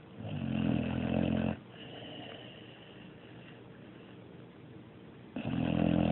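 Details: Sleeping dog snoring: loud, rattling snores on the in-breath with a quieter breath out between them.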